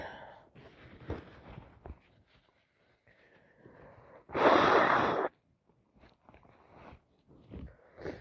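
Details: Sniffing and catching breaths build to one loud, explosive, wet sneeze, then more sniffling; sneezing on day 2 of a head cold.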